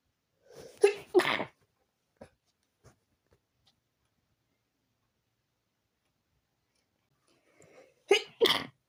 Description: Had a very very tickly and hitchy nose today . And i needed to sneeze before going in bed to sleep.